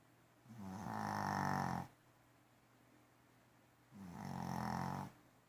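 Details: Two long, rattling inhaled snores with quiet pauses between them; ordinary snoring.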